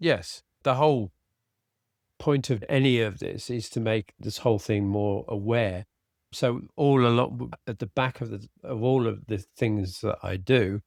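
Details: Adult man with aphasia after a sudden stroke, treated with speech therapy and his wife's flashcard practice; he still has word-finding difficulty, cannot read a script and tires as the day goes on. Finding: aphasia.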